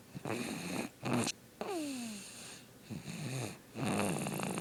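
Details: Sleeping baby snoring: rattly, buzzing snores on each breath, some ending in a whistling squeak as the breath trails off.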